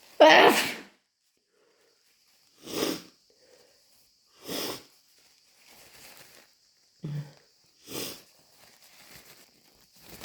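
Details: Strong wet sneeze followed by several softer sneezes and sniffs, about six bursts with pauses; desperate wet sneezing with a snotty nose-blow.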